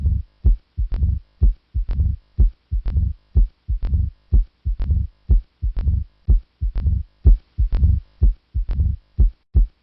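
Regular heartbeat at about 62 a minute, with a sharp, loud first sound and a low rumbling murmur filling diastole before it: mitral stenosis murmur.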